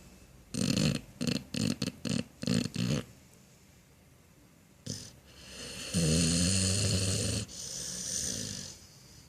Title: Snoring Dog